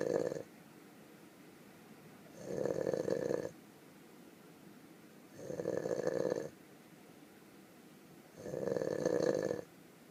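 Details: Snoring from a burro (donkey).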